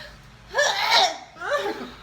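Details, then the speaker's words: Girl sneezing uncontrollably during removal of a blackhead peel-off mask, with pain under her eyes: two sharp, explosive sneezes in quick succession, the first stronger than the second. Sneezing. "I keep sneezing. I know it's not funny, but it's funny."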